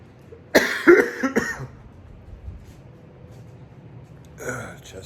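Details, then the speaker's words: Adult man on day 3 after Covid exposure, before testing, with fever of 99.8°F and difficulty taking a deep breath: a cluster of three or four quick, mildly harsh coughs, then a fainter burst; mild cough. "so i woke up with a mild cough"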